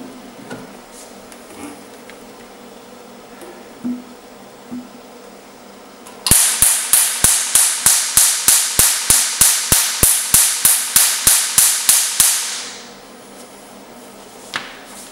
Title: YAG LASER HQ